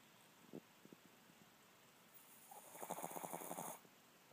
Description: Chihuahua snores when he sleeps.